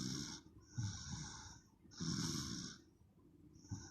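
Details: Baby girl snoring loudly during her nap: loud rattling snores with noisy breaths, about two breath cycles in four seconds; snoring.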